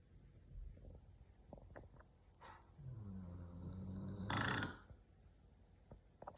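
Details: Golden retriever sleeping, with a single low, throaty snore on an in-breath ending in a loud puff of breath, in a quiet room; snoring described as human-like.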